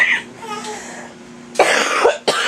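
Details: A brief voiced sound, then two harsh explosive bursts close together, like a cough, amid family chatter while a dog is being photographed; source unclear.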